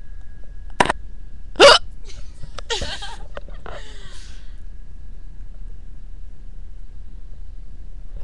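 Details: A girl hiccuping while laughing, letting out a loud hiccup right after laughing: two sharp, abrupt hiccups, then a few softer breathy noises, possibly giggling, then quiet.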